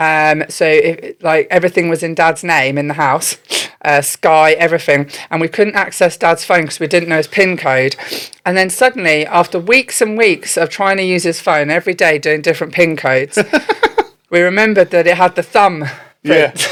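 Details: Adult woman; typical speech.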